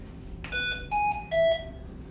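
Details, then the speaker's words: Three rising electronic beeps: Hamilton-C1 adult ventilator high-pressure alarm during staff training, sounding when peak airway pressure reaches the set limit and the breath cannot be fully delivered. "so when i start to hit my pressure limit it's going to tell you so basically what that's telling me is that i'm hitting my pressure and it can't go any further"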